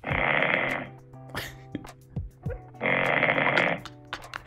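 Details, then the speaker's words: Snoring recorded overnight during sleep by a Huawei smartwatch and replayed through a tinny speaker with a steady hum: two harsh, rattling breaths about three seconds apart. "horlaması 13'e bakalım daha hafif bir horlama var 1229 evet Burada bayağı orama var"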